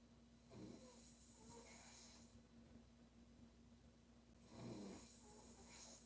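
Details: Female sleeper snoring: two loud, rattling snores about four seconds apart over a steady background hum.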